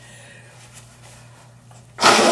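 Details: Quiet room, then one sudden loud explosive burst at the end, recorded near a baby to show her reaction; a single sneeze.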